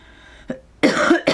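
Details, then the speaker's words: An adult recovering from illness, with a croaky voice, snotty nose and lingering hacking cough, makes a faint short throat sound, then a harsh, noisy cough burst. "So, I do apologize that I'm just going to be coughing, sniffling, and talking to you in a very sexy voice."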